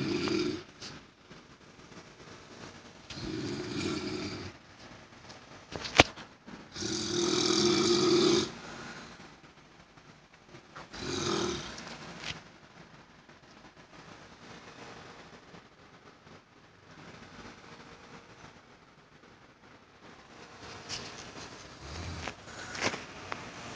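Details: A grandmother's snoring: rough, rattling snores every few seconds, fading after the first several, over steady background hum possibly from an air conditioner; poor-quality recording.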